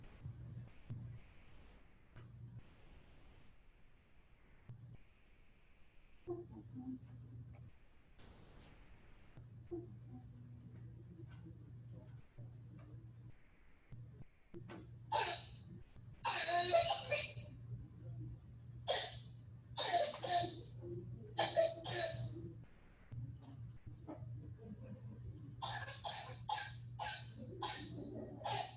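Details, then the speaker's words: Bursts of harsh, barking coughs from a child with croup, bass-rich and harsher at the tail end, likened to a barking seal, over a steady low hum; played in a respiratory emergencies lecture: croup cough. "that very tail end is what you're going to hear for that distinct croup cough it just sounds kind of meaner if you will than a normal"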